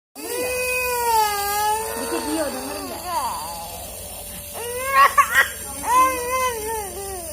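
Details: 1-year-old infant with cough, cold and flu crying during nasal nebulizer steam therapy: high, wavering wails in several bursts over a steady mechanical nebulizer hum.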